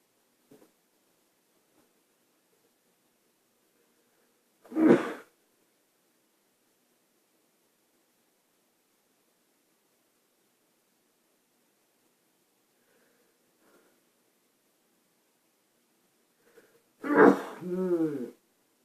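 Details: Two separate ordinary sneezes with long quiet stretches between them, recorded as a sneezing challenge.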